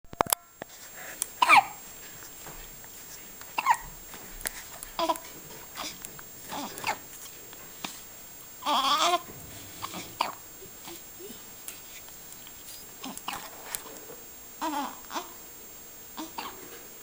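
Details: A 5-day-old baby hiccuping: repeated short, abrupt hiccups every one to two seconds, mixed with soft babbling and small vocal noises.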